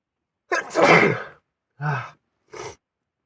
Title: Sneezing at car 2